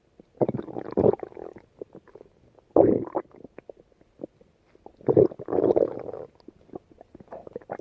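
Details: Stomach growling (borborygmi): low gurgling rumbles in three main bursts with quieter bubbling between.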